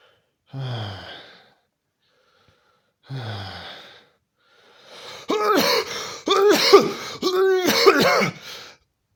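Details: Two separate harsh coughs, then a run of several coughs with breathy gasps between them; repeated coughing.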